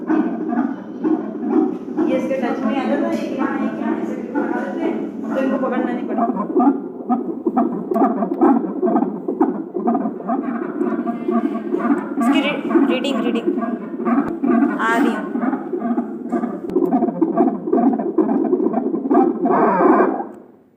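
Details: Fetal heart sounds on a CTG Doppler monitor during pregnancy: rapid whooshing, galloping pulses at about 130–140 a minute.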